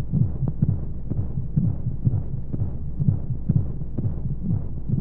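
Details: Simulated womb sound used as a baby sleep aid: steady, muffled low heartbeat thumps in pairs, about 85 a minute, under a soft whooshing white-noise hum; heartbeat as heard in the womb.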